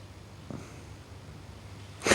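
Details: A faint sniff and quiet room noise, then a sudden loud sneeze cut off at the end, recorded in a programme on children with asthma and allergies; a sneeze in allergic rhinitis.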